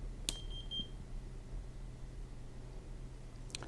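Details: A sharp click, then a short high-pitched beep and quiet room hum as a Vetronic Impact-III handheld veterinary monitor (capnography, pulse oximetry, temperature) is switched on during a product demo.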